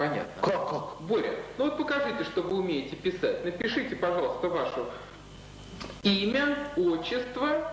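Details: Adult clinician speaking Russian; Normal speech.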